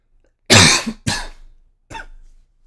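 Three short, sharp coughs in quick succession, the first loudest.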